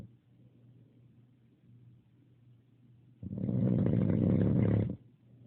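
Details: Snoring: quiet low breathing, then one loud, coarse, rumbling snore lasting almost two seconds.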